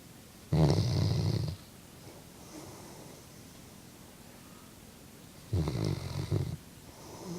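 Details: Chocolate Labrador dog asleep: two long, low rumbling snores several seconds apart in a quiet room; ordinary sleep snoring.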